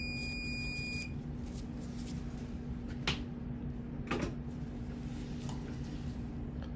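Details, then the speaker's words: Faint steady electrical buzz under room noise, with brief beeps at start and a few clicks: cautery during shave removal of a rapidly growing, tender, pearlescent lesion behind a patient's left ear, present about 3 weeks, suspected squamous cell cancer. "so essentially what we're going to be doing is once we freeze this we're going to just do a a shave and then we're going to be cauterizing this"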